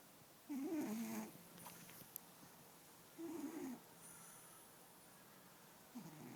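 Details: Black and white cat sleeping next to its owner, giving soft, rattling snores under a second long about every two to three seconds over quiet room hiss; snoring.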